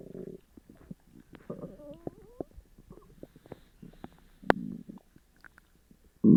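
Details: Upset stomach after eating sugar-free gummies: loud, frequent gurgling and rumbling from the belly, with squeaky high-pitched trills and low bubbling bursts; loud, active bowel sounds (borborygmi).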